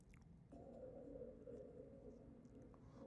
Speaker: Ron kind is low continuous low pitch continuous musical sounds.